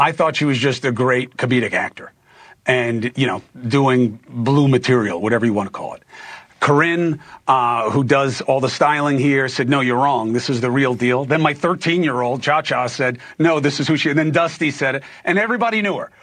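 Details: Adult male speaker; Normal speech.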